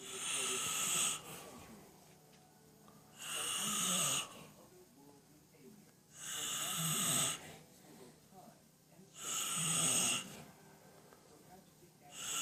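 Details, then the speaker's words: Sleeping man who claims he doesn't snore, recorded at 9:58, reportedly usually ten times louder: regular hissing, rattling snores about 20 a minute separated by quiet exhalations, in a quiet room. "And that's nothing. Normally he's 10 times louder."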